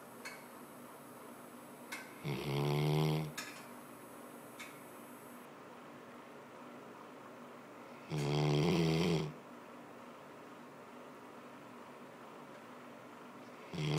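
Two loud, rough, rattling snores about six seconds apart against quiet room noise, a third starting at the end; ordinary snoring.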